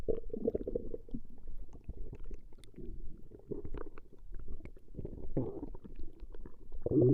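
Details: Woman's stomach growling recorded over a long session: deep rolling gurgles and bubbling rumbles with brief louder bursts; normal borborygmi as gas and fluid move through the intestines.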